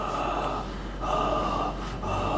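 Mouth imitation of soft, airy breathing phases ending in a sharper gasp-like breath, representing bilateral bronchovesicular breathing.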